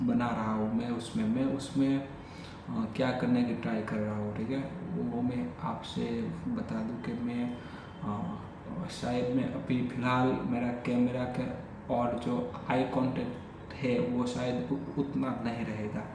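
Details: Adult male who has stammered since childhood, speaking spontaneously in Hindi during daily stammering practice; repetitions of words and phrases — stuttering.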